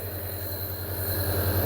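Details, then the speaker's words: Nebulizer compressor running with water as a young boy with a slight cough is nebulized: steady low mechanical hum with a rhythmic pulsing buzz. "تو یہ نیبولائزیشن ہو رہی ہے جی، یہاں بھی دکھائیں، 1 minute یہاں چھوڑیں ذرا."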